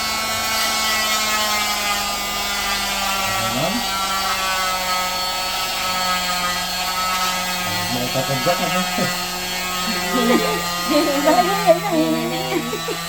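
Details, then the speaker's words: An oscillating cast saw removes a cast. It makes a steady high motor whine with shifting pitch as the blade cuts; the patient is reassured it does not hurt, only vibrates and feels warm. "Vibration lumayo lumalayo ka doun sa kalalayo nag-vibrate lang siya mm sa init o mainit lang"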